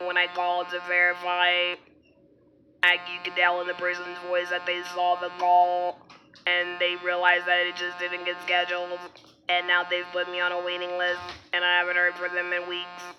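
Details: Alaryngeal speech in an adult woman after laryngectomy who has had throat dilation procedures and reports renewed trouble swallowing medication.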